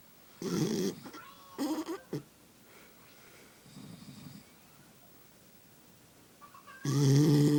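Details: Sleeping pet dog snoring: repeated low, rough, fluttering breaths with snorting bursts at irregular intervals; owner says it snores more than they do.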